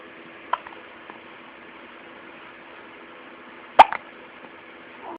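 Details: Two abrupt, short gulping hiccups, one soft and one sharper, from a 2-week-old baby girl over quiet room hum; infant hiccups.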